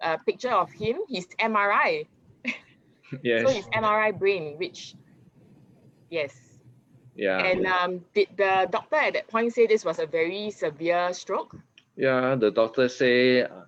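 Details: Adult speakers in conversation; plain speech.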